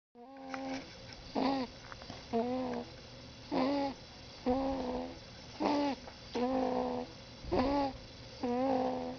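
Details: 5-week-old boy sleeping on a parent's chest makes a short squeaky, tonal snore with nearly every breath, about 60 a minute: infant snoring.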